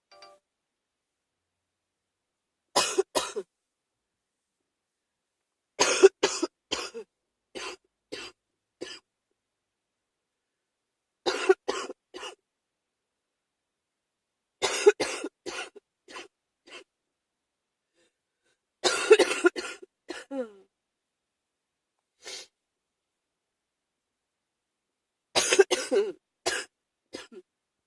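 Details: Repeated bouts of short, harsh coughs from an adult with a spring cold, still coughing, separated by quiet pauses; cough.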